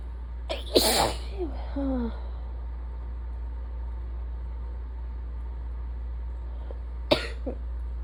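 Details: Sneezing during a suspected allergy attack, with stuffy nose, sore throat and chest trouble; the person has asthma: one loud sneeze with a brief voiced sound, then a second sharp sneeze-like burst, over steady room hum.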